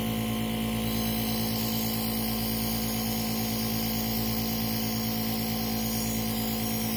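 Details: A nebulizer compressor runs during treatment for an asthma attack, giving a steady mechanical motor hum with a low, rapid pulsing.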